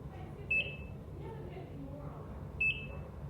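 Two clear electronic monitor beeps about two seconds apart over low room hum, the rhythmic tone of a bedside heart monitor.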